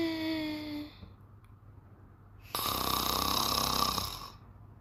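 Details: Snoring during sleep: a brief whistling tone, a pause, then a long, noisy snorting breath.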